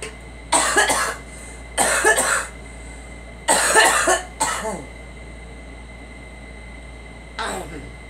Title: Girl coughing